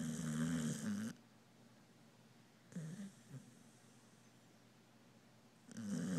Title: Charlie the snoring dog